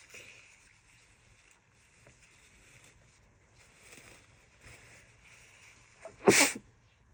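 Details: Adult female with a severe summer cold, sneezing, nose blowing, exhausted and barely able to talk: quiet sniffling and breathing, then one sharp wet sneeze.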